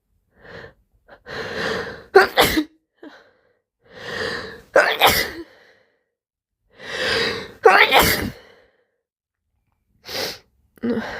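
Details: Three loud, slimy sneezes, each with a gasping build-up breath before the explosive burst, plus a final short one, with soft moans: sneezing.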